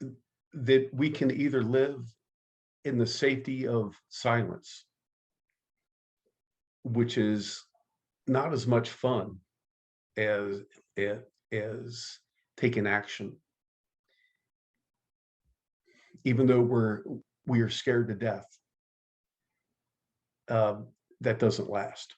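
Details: Stuttering in an adult man who identifies as a person who stutters, recalls being mocked by a teacher at age 10, and has been active in the stuttering support community for over 25 years.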